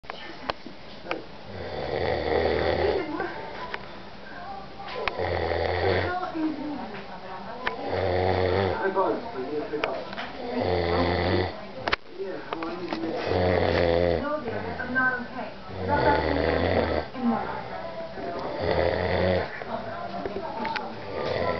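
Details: Deep, loud, rumbling snores at about 22 a minute, with a steady low hum and faint voices in the background. Snoring.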